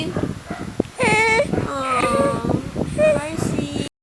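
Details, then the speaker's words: An infant gives three short, high-pitched whimpering cry bursts over room noise; the caregiver remarks it is hot and wonders if the baby is just acting cute. This is infant crying. "Ang galinggaling naman niya bata. Ang galing naman umiyak niyan. Iyak ba yan?"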